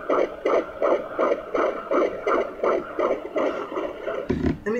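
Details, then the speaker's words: Self-performed fetal Doppler at 10 weeks of pregnancy with a Sonoline B pocket Doppler: rapid, regular whooshing pulses at about 165 a minute, ending in handling noise; a possible second heartbeat was found about two inches away, and she wonders if it is an echo. "if i'm getting on the other side i can hear something like wind on this and if i move over it sounds like the same heartbeat right and movement"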